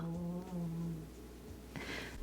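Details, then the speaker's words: A 13-year-old female shih tzu whose snoring has grown much louder over the last few months; loud snoring during sleep. "you can hear my shih tzu she is snoring she's been snoring really loud recently she is 13 years old um so she's getting to be an old girl"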